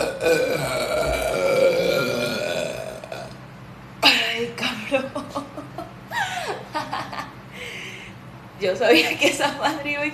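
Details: Young woman deliberately burping for a burping challenge (Sprite): a long, loud, drawn-out belch followed by several shorter burps mixed with brief chatter.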